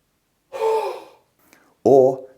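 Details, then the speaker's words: A long breath in through the nose followed by a short, open-mouthed forced breath out: a half huff, demonstrating the forced expiratory technique of the active cycle of breathing to clear mucus. "take a full breath in through the nose and then Force the air out through your mouth to create a huffing action"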